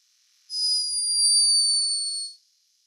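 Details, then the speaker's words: Single thin, high-pitched squeak lasting about two seconds from a sleeping hummingbird recorded in Peru: a hummingbird snoring. "high-pitched but unmistakable snore hummingbirds are loved for their beauty and speed but this one was behaving a little bit like a human"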